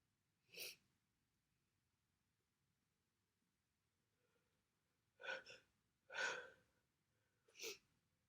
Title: Congestion, sniffling, sneezing bad cold.